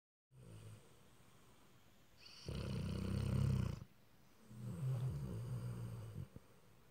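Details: Sleeping Rottweiler-husky mix dog snoring: two deep, rumbling snores, each a low vibrating drone with a fluttery edge, separated by quiet breathing.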